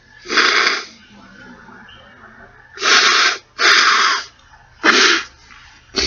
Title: Snotty sneeze